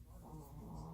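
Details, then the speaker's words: Very loud snoring from a sleeping female (species not stated), louder than a grandpa, heard in the background. "Oh my gosh, she's so loud. She snores louder than, I'm telling you, louder than a grandpa."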